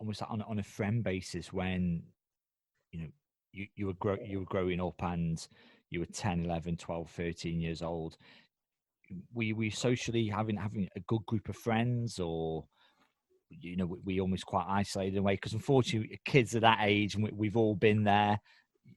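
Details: Adult man speaking; normal speech.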